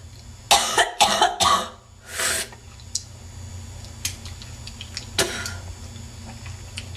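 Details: Three harsh, wet cough bursts, then a loud throat-clearing hawk and a final cough from a woman (suspected smoker) in a coughing attack; congested, productive cough with hocking of mucus.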